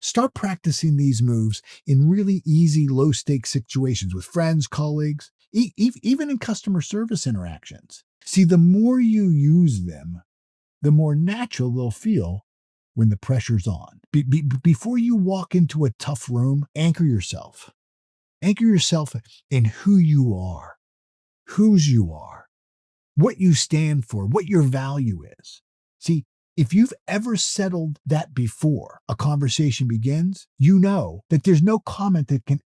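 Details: Stuttering (stammering) that an adult man reports in himself, heard in his natural, real speech.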